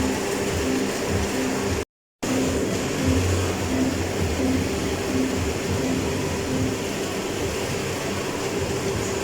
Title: Sound of Hospital Suction